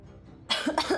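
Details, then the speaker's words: Two or three loud, harsh cough bursts with throat clearing from an adult woman who has been coughing every few minutes and has taken medicine for it; cough. "But every few every few minutes I have been muting myself just to cough [laughter] so"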